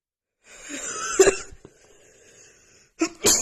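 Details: A female's super itchy sneezing attack: drawn-out sharp inhale, a forceful sneeze, then a second sneeze moments later.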